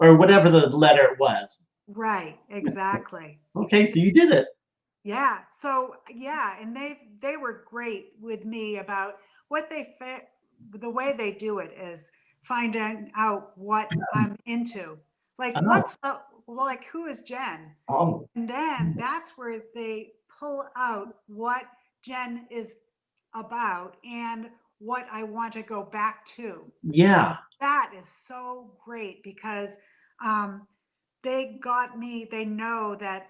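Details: Adult woman three to four years after a stroke caused by a brain AVM, still in speech therapy; aphasia after the stroke.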